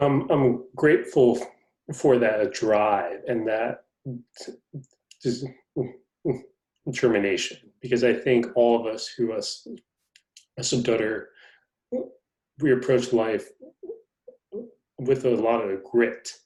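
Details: Stuttering in an adult man, a magazine reporter who describes himself as a person who stutters, speaking in conversation.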